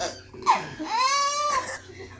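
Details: A two-month-old baby girl laughing at her grandfather's sneeze: a brief, high, tonal squeal or laugh over faint room noise. Infant vocalization, laughter.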